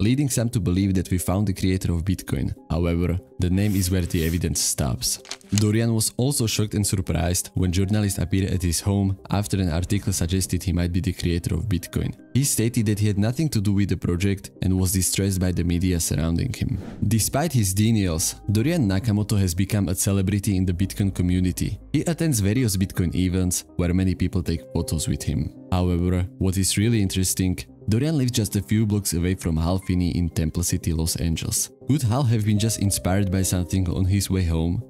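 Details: Adult male narrator; normal speech.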